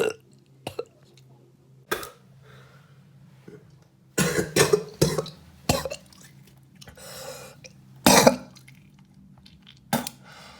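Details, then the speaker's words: Repeated harsh, rough coughs and throat clears in bursts with quiet gaps, from an adult ill for about 3 days with a hoarse, smoker-like voice and possible coronavirus. "I am sick, and there may be a chance that I have coronavirus. Explaining why I'm in a bit of a mess, and why my voice sounds like I smoke, like fucking Peaky Blinders or something."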